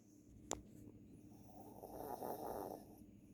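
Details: Dog asleep: a short snort, then a soft rattling snore on the in-breath; snoring.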